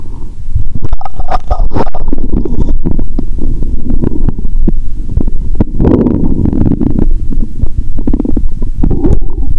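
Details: Stethoscope on own abdomen around noon while very hungry; watery sounds heard even near the heart; continuous low gurgling and rumbling with scattered pops and bubbling: active bowel sounds (borborygmi).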